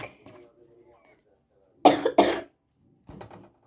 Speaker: Öksürük sesi yüzünden. Özür dilerim. Çok öksürük sesi duyacaksın galiba.